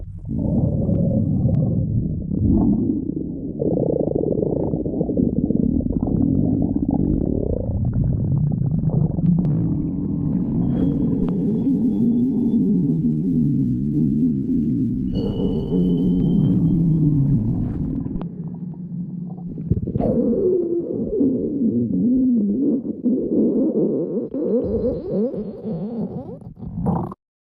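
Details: Stomach growling (borborygmi): continuous low gurgling and rumbling with squeaky rising and falling tones.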